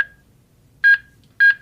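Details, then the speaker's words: HeartSine Samaritan 450P AED demonstration on a trainer: the CPR metronome pacing chest compressions, two bright electronic chimes about half a second apart in a quiet room, alongside "Good speed" CPR coaching. "So what it's doing now is that metronome that we've heard on both the 350 and Good 360 speed. is chiming away."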